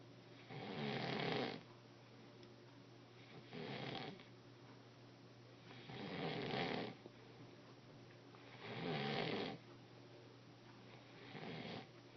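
Rough, rattling snores repeat on each breath, about 22 a minute, with quiet gaps between. Ordinary snoring.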